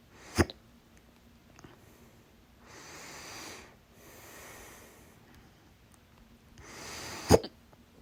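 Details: Two sharp, abrupt, loud hiccups several seconds apart, with quiet breathing between them.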